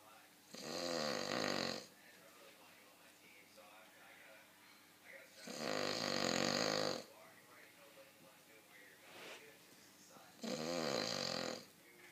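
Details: Dog described as possibly the loudest snorer alive: loud, rattling snores on each breath in, about every five seconds, with quieter breathing between; heavy snoring.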